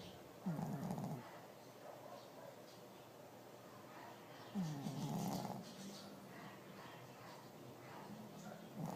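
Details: Snoring from a sleeping dog: rhythmic, low, fluttering snores with each breath, about 15 a minute.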